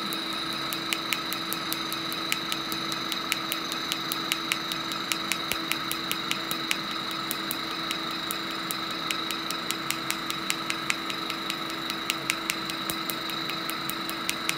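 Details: Rapid sharp snapping clicks, about 100 a minute, over a steady machine hum. A Discovery PICO picosecond laser is firing on a tattoo test spot with a DESCRIBE PFD patch, and green ink is coming out. The patient says it burns afterward.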